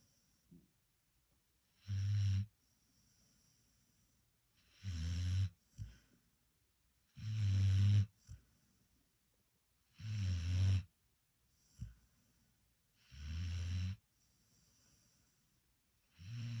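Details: Sleeping puppy snoring, later waking himself: low, regular rattling snores, about six in sixteen seconds, each followed by a brief snort.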